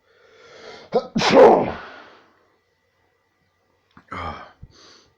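A sharp inward gasp, then a loud explosive sneeze, and a second smaller sneeze a few seconds later; two sneezes.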